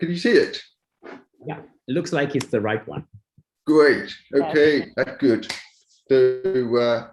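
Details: Adult speaker; typical speech.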